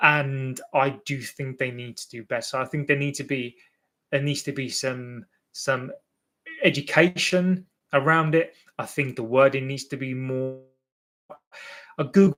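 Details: Adult male with an accepted stammer, less fluent when nervous or before an audience; word and phrase repetitions heard; real stammering (stuttering).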